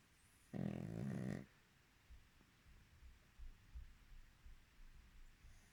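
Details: Pug snoring: one loud rattling snort-snore, then soft snuffling breaths; noisy sleeping breathing from a small flat-faced dog.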